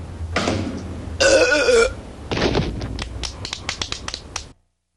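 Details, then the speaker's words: A long, loud, rumbling burp from a cartoon burping contest (The Simpsons), not a real person, followed by crackling noises and snaps, with room noise underneath; burping. "this the burp champion of the world I mean but are you burping again maybe what is it with this burping why what's the thrill it's fun it's crude it's vulgar it it's impolite and it's nauseating"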